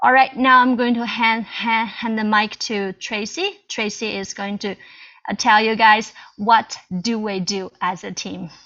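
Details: Stuttering in a Chinese female adult who stutters, with audible repetitions.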